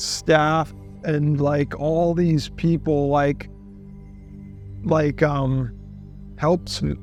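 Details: Aphasia after stroke in a patient during recovery, seen at an aphasia resource center.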